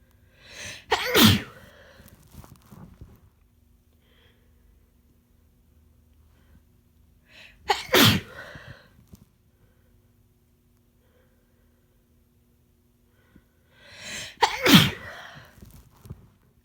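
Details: Three loud, forceful, uncovered sneezes from a sick person, each preceded by a short indrawn breath and spaced several seconds apart in a quiet room.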